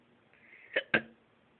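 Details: Person possibly ate too fast: two sharp, brief voiced gulping catches about a fifth of a second apart; hiccups.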